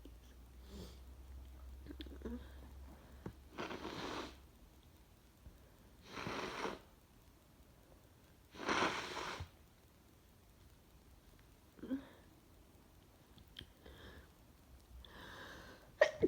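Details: Adult woman with cold or flu symptoms: several sneezes, some muffled and held back, with sniffing and snotty nose blowing between them.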